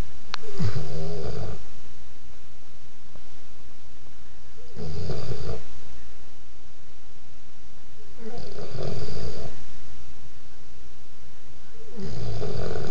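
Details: Snoring from Bangles: loud, low, rumbling snores about every four seconds, roughly 16 breaths a minute, with quiet gaps between.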